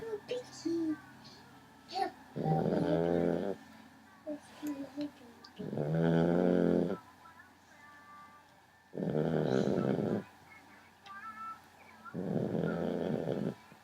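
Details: 11-week-old puppy asleep in the dark at 4am: loud rattling snores every three to four seconds, about 18 a minute, with quiet talk between; puppy snoring.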